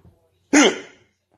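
A single abrupt, voiced catch of breath that fades quickly, typical of a hiccup.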